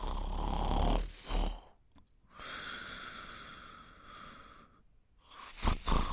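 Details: Snoring sound effect recording: loud rattling inhaled snore, long airy exhale with faint whistle, then next rattling breath; snoring.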